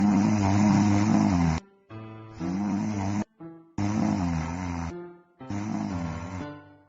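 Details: Loud, rough, rumbling snores in repeated long bursts with brief pauses between them; snoring.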